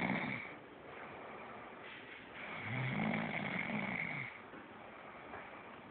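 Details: Snoring from a sleeping person, the recorder's sister.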